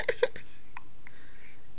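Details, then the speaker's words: Two or three brief, sharp throat bursts close together in a quiet room, in a baby who is discovering their hands; hiccups. "are so cute with the hics I'll stop teasing you though"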